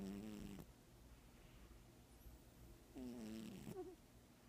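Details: Female Manx cat in very deep sleep with feline herpes (slightly watery left eye): two buzzing, tonal snores about three seconds apart with quiet breathing between; normal snoring.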